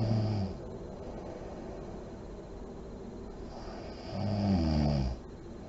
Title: SNORING MOM SLEEPING ASMR SERIES PART 18 LIGHTS ON REM SLEEP, DEEP BREATHING , LIP BLOWING